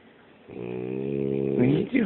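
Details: French Bulldog snoring very loudly while asleep: loud, drawn-out, steady vibrating rumbling snore on the breath; flat-faced-dog upper-airway snoring.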